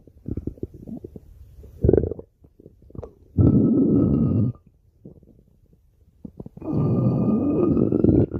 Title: (Repost) Stomach Growling